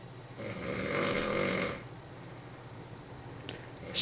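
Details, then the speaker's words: Adult man asleep on his side in a shared convention hotel room: one long, harsh, rattling snore on the in-breath, then quiet breathing with faint room noise; snoring. "that snores listen to that it sounds painful ain't even make that noise it hurts too much"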